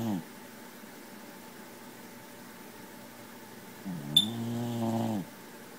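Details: Sleeping cat snoring: two low, buzzy vibrating breath sounds with a quiet pause between them.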